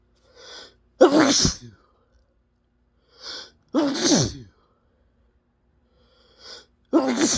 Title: spray sneezes, huge messy